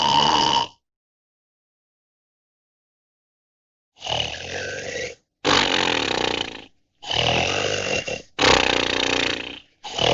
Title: SNORING SOUND EFFECT HD